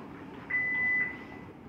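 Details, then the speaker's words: Manual defibrillator in a training demonstration, using paddles, with 200 joules selected for a supposed shockable patient: a steady high electronic tone rising out of room noise as the device charges before a shock. "this is the button here for charging or I can charge from here if you are using patterns never use any button here just over 50 okay suppose patient is with shockable I have selected 200 joules"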